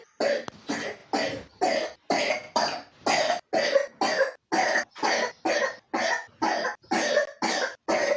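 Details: A 3-year-old child with pneumonia coughs about sixteen times in rapid, repetitive bursts with brief gaps between them: persistent pneumonia cough.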